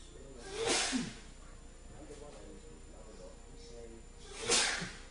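Two sharp, explosive sneezes a few seconds apart, each with a quick inhale before a forceful burst of air.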